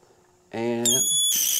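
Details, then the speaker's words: Loud, shrill, rising squeal from an oxygen nasal cannula bubbler humidifier's pop-off valve, venting when the outlet is deliberately occluded during a pop-off valve check demonstration. "it goes and you can hear that sound now have you ever heard something like that before it is annoying as heck so let me do it again it takes a little bit of time but what happens there's a valve in there that's going to pop off before it explodes"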